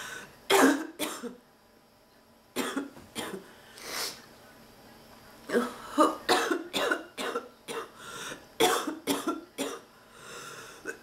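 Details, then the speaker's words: Persistent coughing fit of about fourteen harsh, barking bursts in clusters with throat clearing between, in a sick adult woman with a non-stop cough whose back hurts badly from coughing. "thank you my back hurts so bad from coughing"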